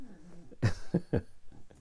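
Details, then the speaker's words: A sleeping dog, described as a noisy sleeper, snores in the background during talk in a workshop: three short, low, rough snoring snorts in quick succession in a quiet room. "the dog snoring in the background if you can hear any noises"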